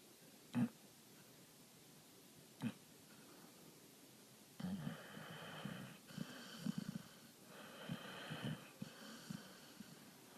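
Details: A dog sleeping soundly, eyes rolling and twitching: soft snorts and raspy, wheezy snoring breaths, irregular and fairly quiet; dog snoring.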